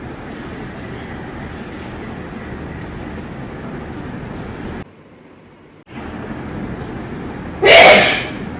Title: Sneezing And Nose Blowing Challenge Part 15😂😂😂